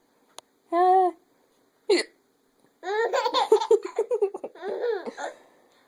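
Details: Young child with hiccups: sharp voiced hiccup sounds followed by a burst of giggling laughter.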